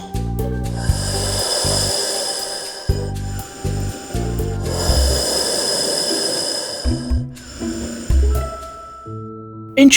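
Rough, buzzing snore sounds in rapid, varied bursts with gasping breath noises, mixed with steady hiss and musical tones in the background; snoring.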